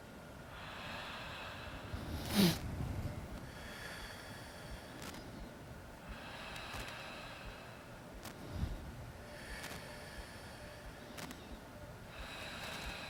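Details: Stethoscope auscultation of the chest during a physical-examination demonstration, patient taking moderately deep breaths in and out through the mouth; soft, regular breath sounds with no added sounds; normal vesicular breath sounds.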